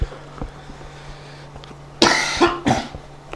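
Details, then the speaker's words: Two harsh coughs close together after a quiet stretch, in a small room with a steady low hum, from a man who says he is still sick and has coughed repeatedly during the 4:30 a.m. recording. "Sheesh, bro, I've coughed so much in this recording. Not good. I literally didn't cough for like hours before this."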